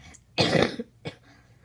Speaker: oh my god my voice oh boy that was a big cough well guys I'm not too well